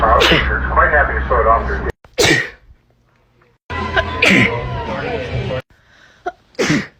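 Several sharp sneeze bursts cut together with speech and background music. Ordinary sneezes.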